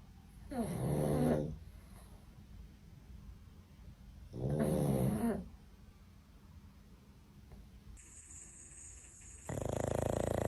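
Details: Pug snoring: snorting, vibrating snores on each breath, about 16 a minute, with a louder unrelated sound near the end.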